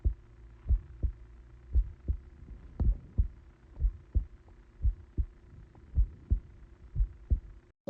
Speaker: This is me listening to my heartbeat through my phone.